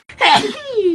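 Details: One quick sneeze from a K-pop idol, a sharp burst trailing into a short voiced vocal tail.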